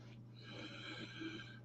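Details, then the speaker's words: Adult in hospital awaiting a camera procedure down the throat to examine the lungs, with unexplained congestion and coughing: a short, thick, snorting breath through a blocked, choked-up nose; nasal congestion. "the reason they're doing this is because I'm not sure um what's causing the this congestion that I've now seemed to have this coughing and this you'll hear it all choked up around the nasal"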